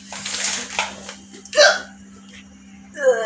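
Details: Real, loud hiccups during a hiccup challenge after eating spicy food, with background music.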